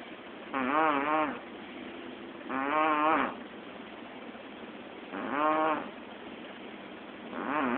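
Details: Person snoring during an afternoon nap: slow, loud, groaning snores with a buzzing, tonal quality, about one every two and a half seconds, over a steady background hiss.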